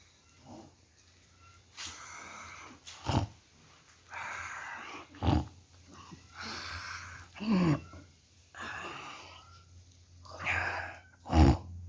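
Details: A sleeping dog snores rhythmically, each breath ending in a low snorting rattle, about 25 breaths a minute; snoring.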